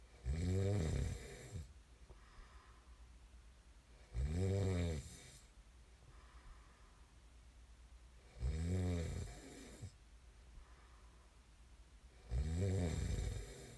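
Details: Sleep snoring: loud, low, fluttering snores on each inhalation, about 15 per minute, with quieter breathing between and faint room hum; snoring.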